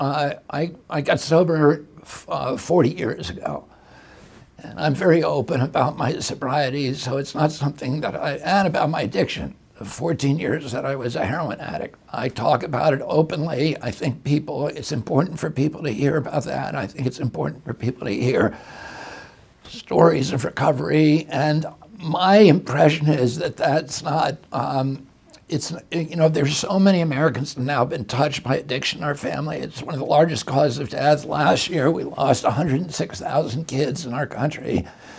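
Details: Adult male with spasmodic dysphonia; he reports a very strong voice until age 42, then onset in 1996 after a neurological injury, which he attributes to his brain sending wrong signals to his vocal cords rather than to the cords themselves.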